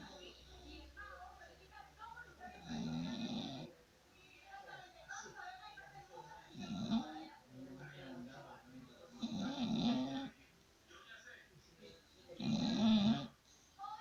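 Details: Snoring: rough, rattling snores on each breath in, about four in fourteen seconds, with soft room noise between.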